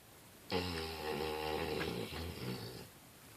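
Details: Female Labrador retriever snoring loudly: a loud, deep, rattling snore lasting about two seconds, followed by a shorter, quieter one.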